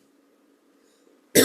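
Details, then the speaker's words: A quiet hum, then one sudden loud cough burst at the end, from a speaker leading a morning prayer who says their voice is lost from coughing. "Saudara, pagi ini maaf ya, suara saya hilang karena batuk."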